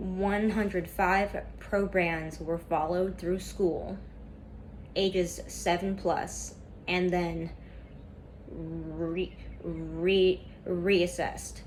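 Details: Student who stutters reading a class PowerPoint presentation aloud, with a lot of tension at first that eases over time; sound repetitions heard; stuttering.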